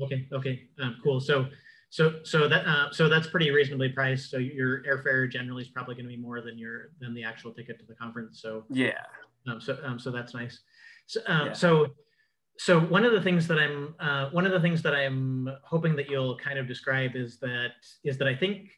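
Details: Adult man who says he has cluttering, speaking in an interview; cluttering.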